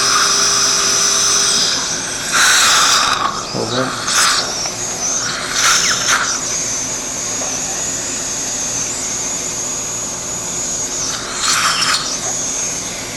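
High-pitched whining of a dental surgical motor in short runs, drilling pilot holes for mini implants, over steady room noise.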